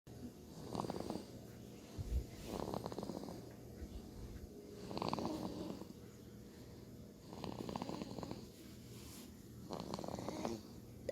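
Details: Rough, fluttering snores recur about every 2.5 seconds, roughly 24 a minute, over steady room noise; ordinary snoring.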